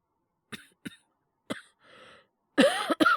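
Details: Acted cough by a male voice performer portraying a character with a cold at a vet clinic: several short dry coughs then a harsher hacking cough; simulated, all acting.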